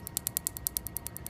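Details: PicoSure picosecond tattoo-removal laser firing as a foot-plate handpiece traces a tattoo on a young man's arm: rapid, regular sharp clicking pulses, about ten a second, with frosting of the skin.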